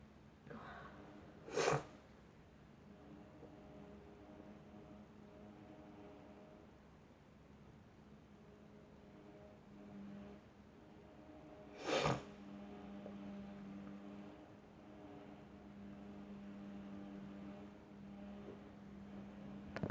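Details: A person sneezing with a tickling nose and watering eyes: two brief, sharp sneezes about ten seconds apart over quiet room hum and faint music.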